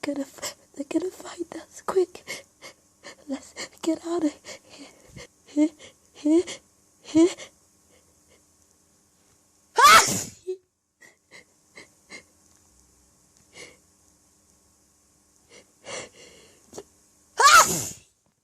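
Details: Sneezing during an allergy attack, recorded naturally while hiding in a staged scenario: two loud, explosive sneezes, each with a sharp inward breath, among softer stifled sounds and breathy noises in a quiet room.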